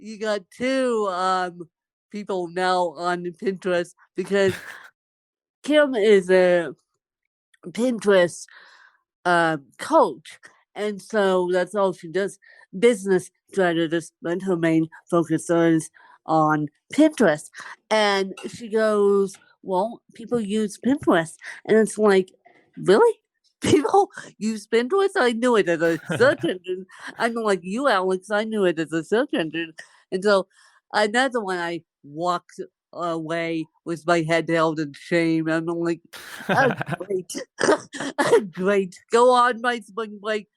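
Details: Dysarthria in a woman with cerebral palsy since birth, speaking in conversation.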